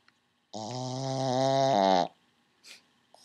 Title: Our pug Frankie snoring REALLY LOUD